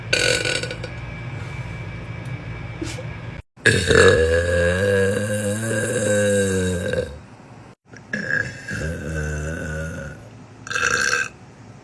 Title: TikTok Girls Burping Compilation #1